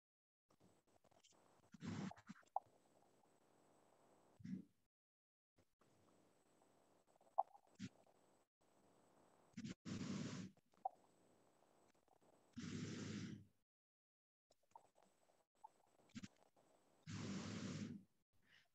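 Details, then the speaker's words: Breath sounds through a stethoscope with scattered low, popping crackles in early and mid inspiration, played in a respiratory teaching case of a crackling lung: coarse crackles. "when you hear these noise right these are called added sounds of the learning when you hear this like what you can have the characteristic is that these are basically what they call horse scripts"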